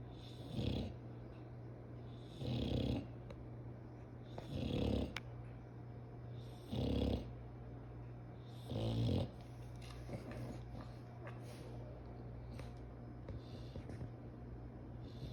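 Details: Dog snoring: five low, fluttering snores at steady intervals, about 30 a minute, then softer breathing, over steady room hum.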